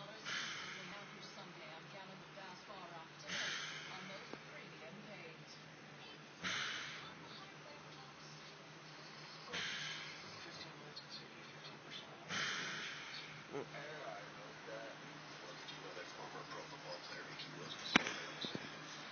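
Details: Wife snoring during sleep: noisy, rasping breaths about every three seconds, roughly 20 a minute, over a low background hum.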